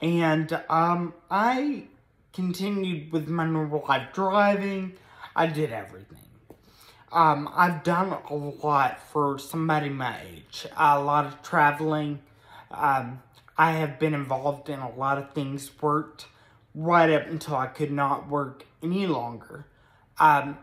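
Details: Ataxic dysarthria in an adult man with moderate Friedreich's ataxia, a progressive spinocerebellar degeneration diagnosed at 16; speech varies with good and bad days; also has a brain injury from being hit by a vehicle.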